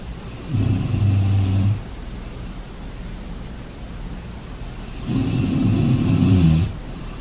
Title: Sleeping sounds Snoring enjoy